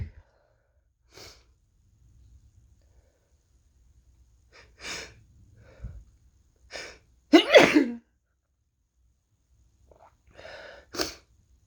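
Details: Person sick for several days, possibly with a cold: several sneezes in fairly quick succession with breaths and sniffs between, loudest near the middle; sneezing.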